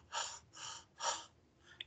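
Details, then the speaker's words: Stethoscope diaphragm on the sternal manubrium during breathing in class: loud, harsh blowing inspiratory and expiratory sounds; normal laryngotracheal breath sound, pathological (tubular blowing, consolidation) if heard over lung parenchyma. "acá sobre el manubrio del esternón colocamos la membrana del estetoscopio y ausculte en eso y respiren"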